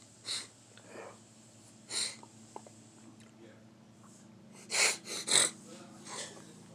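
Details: Adult's morning sneezing bout: a run of short, hissy sneezes.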